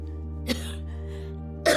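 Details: Woman with refractory chronic cough lasting over eight weeks despite treatment, with a cough-induced vocal cord paralysis: two brief, dry cough or throat-clearing bursts over background music; chronic cough.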